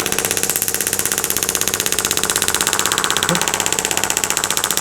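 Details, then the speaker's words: Acoustic wave therapy device at about 15–16 Hz applied to the bottom of the scapula: loud steady rapid mechanical buzzing pulse. "we go I can hear the vibration I was 16 Hertz I like 15."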